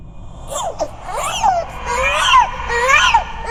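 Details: Simulated ghost-baby infant cry horror sound effect, designed with layered ambience, reversed textures and distortion: short high-pitched wailing cries with rising and falling pitch.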